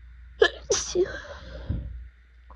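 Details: An adult with allergic rhinitis during pollen season, with swollen eyes and a burning throat: two or three quick wet sneezes in a row, then a sniff. Later took Benadryl.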